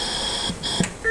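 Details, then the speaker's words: Getinge Servo ICU ventilator: steady high electronic tones, then a short beep as it is put on standby. "So after doing all the settings after adding the details everything you can start ventilation ventilating the patient and on your right bottom here he is standby."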